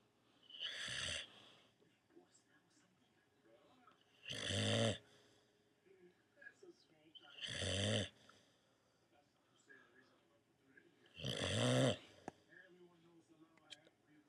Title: Fluffy Dog Snores Like A Champ